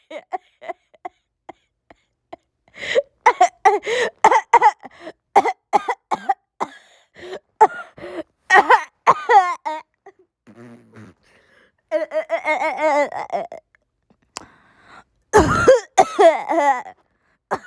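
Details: Repeated short coughs mixed with bursts of laughter, gasps and throat clearing in a quiet room; playful coughing.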